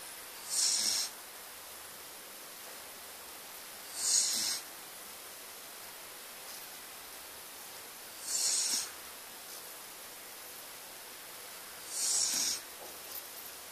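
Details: Young girl sleeping with light snoring: four soft hissing breath sounds about four seconds apart, roughly 15 a minute.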